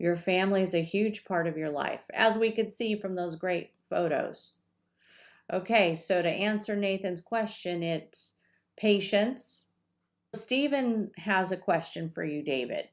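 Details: Adult woman speaking; normal fluent speech.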